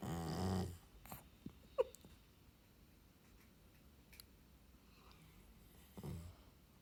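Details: Dog said to snore like an old man: two low, rumbling breaths about six seconds apart, with quiet between; snoring while asleep.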